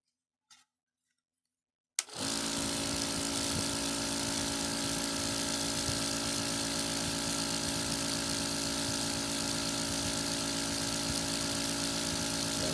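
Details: Apex electric nebulizer air-pump compressor running after repair of a no-airflow fault: a click, then a steady loud buzzing hum, running evenly.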